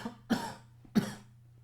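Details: Adult man on a podcast, during coronavirus-era talk, gives two separate harsh, short, forceful cough bursts; cough.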